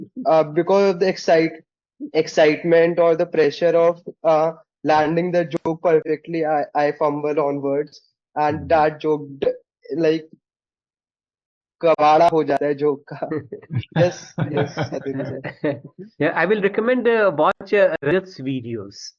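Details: Stuttering (stammering) in a male participant of an online stammering practice group; finding: stuttering.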